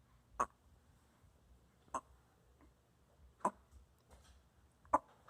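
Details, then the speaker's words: Baby with hiccups: four soft, sharp hiccups about every one and a half seconds, roughly 40 a minute, in a quiet room. "Oh no, the hiccups. Oh no, the hiccups."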